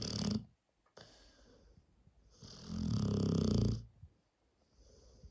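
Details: Presa cross Dogue dog snoring: deep, rumbling, fluttering snores with a pause between breaths; loud snoring.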